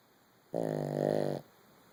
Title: snoring